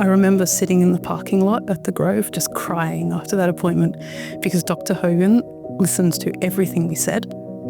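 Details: Adult woman; typical adult speech.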